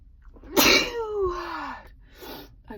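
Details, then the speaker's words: Stifled sneeze, a first for this sick person: a single sharp explosive burst trailing into a falling voiced tail, in a quiet room; sneezing. "I'm so sick and tired. I'm sneezing, which is a first for me."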